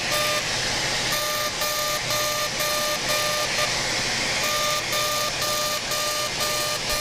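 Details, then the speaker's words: Steady loud hiss with a regular beep about twice a second from a CO2 laser in fully ablative mode, aggressive settings of 100 mJ and density 6, resurfacing the face up the midline during simultaneous facelift surgery. "we're using the fully ablative mode and we're going to do a pretty aggressive treatment here 100 millijoules and a density of six so we're going to start by just going right up the midline"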